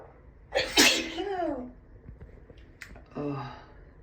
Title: Allergy sneezes (f)